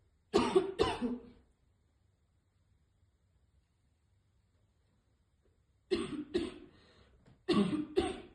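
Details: Three pairs of harsh, forceful coughs separated by pauses from a girl choking after failed attempts to inhale from a vape.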